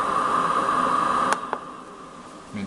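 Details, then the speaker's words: Mini Pegaso cough assist machine in automatic mode, cycling inspiration and pause by the set times: a steady airflow hiss, then an abrupt click and drop at the phase change; mechanical insufflation-exsufflation airflow. "in automatico eroga in base ai tempo impostati accensione e la macchina parte la sua ispirazione ispirazione l'ispirazione e ispirazioni pausa è così"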